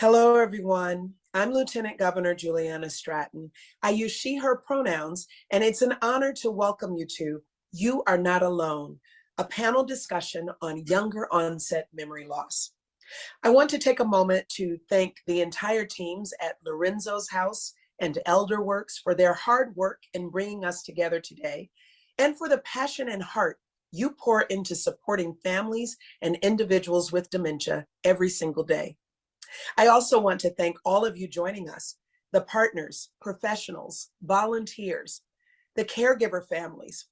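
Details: Adult woman speaking; normal speech.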